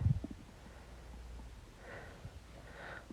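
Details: Adult man's stomach growling: low, soft gurgling rumble, ordinary borborygmi.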